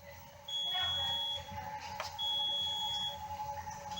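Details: Hemodialysis machine in a renal unit: repeating high-pitched electronic alarm tones with room noise, a pressure alarm linked to filter collapse or vascular access problems limiting blood flow. Low dialysate pressure alarm.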